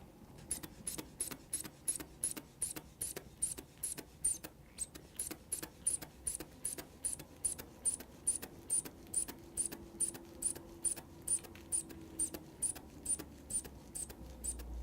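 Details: Steady squeaks and puffs, about three a second, as a hand bulb inflates a manual blood pressure cuff during a demonstration exam, arm resting at heart level; faint room hum behind.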